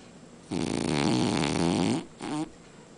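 One long rattling, vibrating snore on an inward breath, then a shorter second one; loud snoring during sleep.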